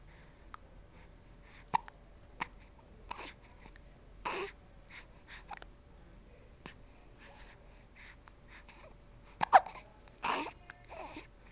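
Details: Short, sharp, soft catches repeating every second or two over quiet room noise; hiccups.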